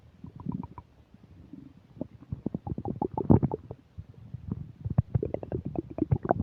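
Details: Almost continuous rapid bursts of gurgling, bubbling and squelching rumbles, recorded while eating a burger and fish fries: loud, active bowel sounds (borborygmi).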